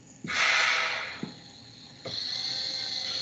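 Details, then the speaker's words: Mechanical ventilator (test unit, not on a patient) in volume assist-control mode: hissing rush of delivered air with a mechanical click, then quieter steady hiss as the next cycle starts. "Cómo la inspiración se alarga el tiempo que nosotros controlamos, ¿sí? Eso es la pausa inspiratoria."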